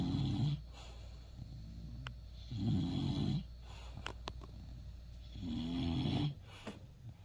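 Three low, rumbling breaths, about 20 a minute, with quieter breathing between them and soft background noise; this is snoring.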